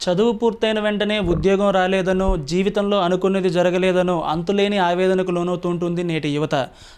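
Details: Adult news narrator; Typical speech.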